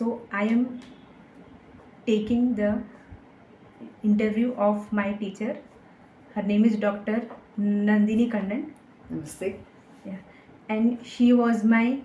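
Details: Young woman with stuttering (stammering) that began in third or fourth standard and worsened with age, treated with speech therapy; member of a stammering self-help group; she stammers very little here.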